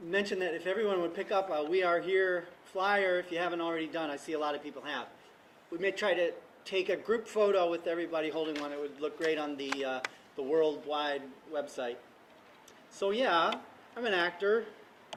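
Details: Adult man; normal speech.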